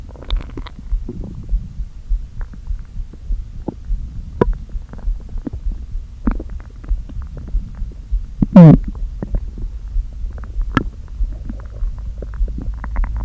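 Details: Stomach noises after not eating all day, with the stomach deliberately inflated a little: scattered low gurgles and clicks with one loud groaning rumble as gas moves; ordinary borborygmi.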